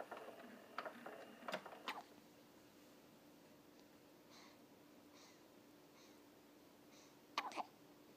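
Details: Hiccups from an infant being kept from waking: several brief, sharp little catches, spaced irregularly with quiet room noise between them.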